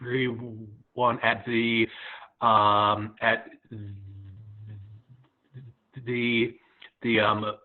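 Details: Stuttering in a 27-year-old adult who self-identifies as a person who stutters, speaking at an online stuttering association open mic.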